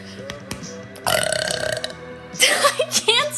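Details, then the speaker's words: Woman burping during a live stream after drinking a carbonated drink: several loud, drawn-out burps in quick succession, with background music and a brief voice. Finding: burping. "burping I'm drinking carbonation"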